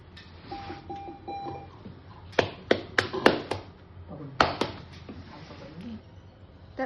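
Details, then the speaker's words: Chest physiotherapy: rapid hollow claps from cupped hands tapping the chest, front and side with patient supine, then the back after repositioning, in short bursts to loosen secretions. "तर हाताची position अशी पोकडी म्हणजेच cup shape हाते करून पेशंटला tapping सुरू करायची."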